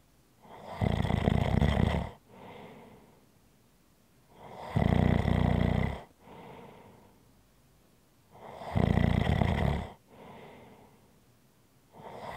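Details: Loud, rattling snores about every four seconds, roughly 15 breaths a minute, each followed by a softer out-breath, recorded as ASMR relaxing snoring sounds; regular heavy snoring.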